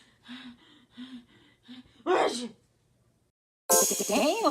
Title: MY MOM SNEEZES 15,000 TIMES A DAY (Montage)